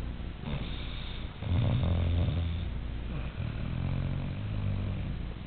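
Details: Snoring described as just like a human's: a low, rattling snore on breathing in, then a softer rumbling breath, over room hum.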